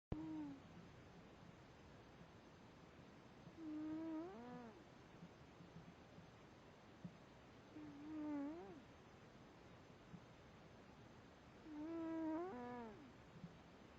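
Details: Cat (Jack) resting and lying down, suddenly snoring: soft, whistling snores roughly every four seconds, about 15 breaths a minute.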